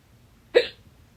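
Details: Stubborn fast hiccups blamed on too much salsa, lasting about 30 minutes and stopping after the fourth breath-hold: a single sharp, abrupt hiccup with a brief voiced gulp in a quiet room.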